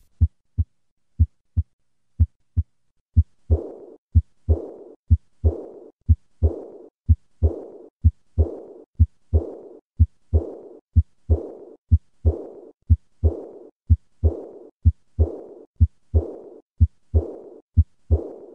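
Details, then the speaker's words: High-pitched blowing diastolic murmur beginning right after the second heart sound, regular rate about 60, heard at the third or fourth left intercostal space with patient leaning forward, diaphragm pressed firmly; aortic regurgitation murmur. "on is a high-pitched diastolic murmur that begins immediately after the second heart sound as shown in the phonocardiogram this murmur is usually heard in the third or fourth left intercostal space with the patient leaning forward"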